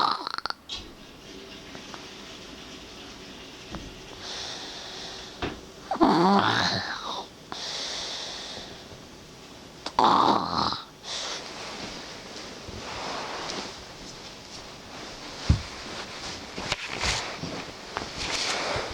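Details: Male snoring at 8 AM, said to snore much louder in deep sleep later: rough, rattling breath sounds with occasional snorts in a small room; snoring.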